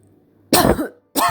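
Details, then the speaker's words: Tuberculous lung infiltrate without cavitation: periodic dry cough without sputum, mostly daytime and usually unnoticed by the patient, two short dry coughs with no wet rattle. "у людей появляется периодическое сухое покашливание не завершающееся отделением мокроты она возникает больше в дневные часы и сам пациент обычно не обращает на него внимание"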